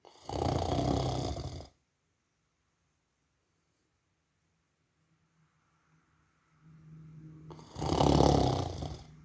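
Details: Two loud, rough, rattling snores separated by a quiet pause, with a softer lead-in before the second; snoring during sleep.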